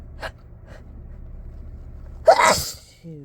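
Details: Deliberately induced sneeze, let out at full volume in a car: two brief catching breaths, then one loud, harsh explosive sneeze with a hissing release and a faint voiced sound.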